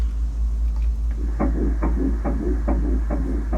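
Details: First-trimester IVF pregnancy, embryo about 1.2 cm at ultrasound (earlier scan at 6 weeks 2 days showed 125 bpm): rapid, regular whooshing fetal heartbeat on ultrasound Doppler, roughly 140 a minute; normal finding.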